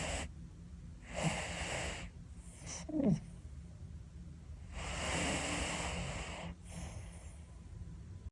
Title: Happy Caturday #cat #oldcat #snoring